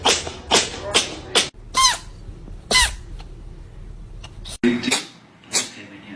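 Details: A cat sneezing: a rapid series of short, sharp explosive bursts with small squeaky sounds between them, a bout of sneezes.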